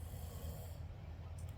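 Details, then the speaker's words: Adult man sleeping while jet-lagged and unwell with stomach issues; steady, low, rough rumbling snore in a quiet room; snoring. "is sleeping if you can hear him snoring, but I don't want to wake him because he hasn't been feeling too well today."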